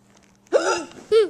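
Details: Mother's hiccups while her baby laughs at each one: two abrupt voiced catches in quick succession; hiccups.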